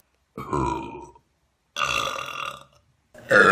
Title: Best Burps On Youtube || #20